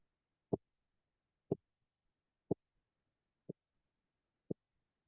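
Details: Five regular, clean low thumps about one second apart through a stethoscope; normal heart sounds at roughly 60 beats a minute.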